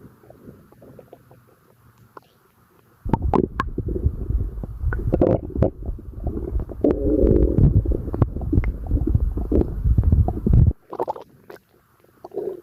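Loud, long gurgling and rumbling from the belly; active bowel sounds during digestion.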